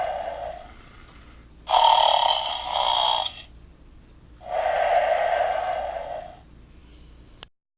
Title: Animated Snoring Skeleton in Hammock